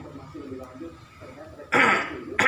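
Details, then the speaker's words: Indonesian nursing student teaches a patient with a respiratory disorder (admitted to ER with shortness of breath; productive cough, phlegm hard to expel) effective cough technique: quiet talk, then two forceful deliberate coughs to bring up phlegm. "rencananya saya akan memberikan intervensi yaitu mengajarkan batuk efektif kepada pasien untuk membantu mengeluarkan dahak"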